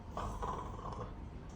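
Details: Patient voluntarily imitates snoring on request during a flexible endoscopic exam for snoring and sleep apnea: a low, rattling sound with fluttering soft-palate vibration; a benign nasopharyngeal cyst (Thornwaldt-like or adenoid) was seen.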